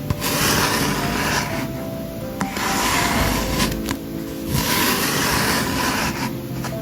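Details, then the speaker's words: Recreated (simulated) lung sounds with fine, rasping, predominantly inspiratory crackles in each breath cycle, as heard with pulmonary edema, pulmonary fibrosis and pneumonia; fine crackles. "this is the fine crackle sound it is heard with pulmonary edema pulmonary fibrosis and pneumonia they are predominantly inspiratory"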